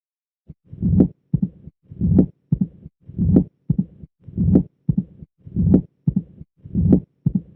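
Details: Mitral stenosis on auscultation (Duroziez rhythm): regular heart sounds at about 50 a minute, with S1, S2, an opening snap, a low rumbling mid-diastolic murmur and a presystolic murmur with accentuation.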